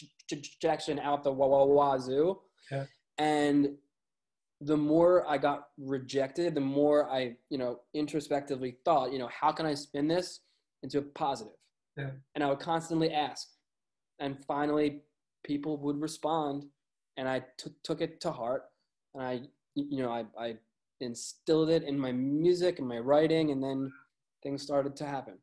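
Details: Lifelong stuttering in an adult male music journalist, who says it is audible.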